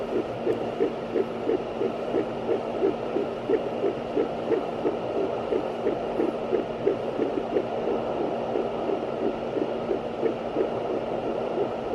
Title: Listening to Baby's Heartbeat on Fetal Doppler